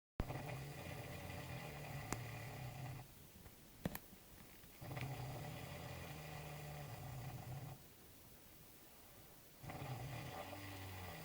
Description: loud snoring